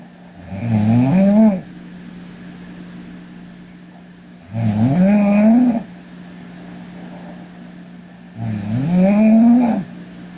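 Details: Young Korean woman snoring while asleep: loud, rattling, rising snores on each breath in, about 15 a minute, with quiet breathing out between; typical snoring.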